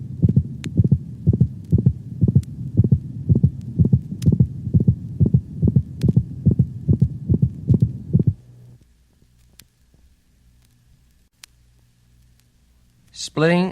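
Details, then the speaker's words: Canine heart auscultated over the mitral valve region with the dog standing, rapid near 140 a minute: a faint, intermittent high-frequency systolic click after the first sound, not on every beat; such clicks may antedate mitral insufficiency. "the systolic click is a high frequency sound commonly heard over the mitral valve region it is not heard with every beat if it moves close to and then away from the first sound this sound unlike the split heart sounds may occur singly or in multiples"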